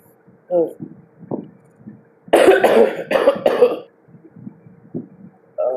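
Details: Three harsh coughs in quick succession while vaping, with quiet murmuring around them.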